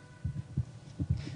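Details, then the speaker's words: A woman nine months pregnant recording her own heart sounds with a special kit: soft, low lub-dub thumps repeating steadily, a normal adult heartbeat. "今妊娠中の子供が生まれてくる前にある音を残そうとしていますそれは自分の心臓の音神音"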